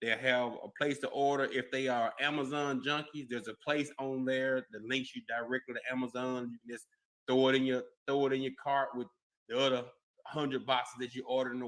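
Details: Adult male speaker; no speech disorder.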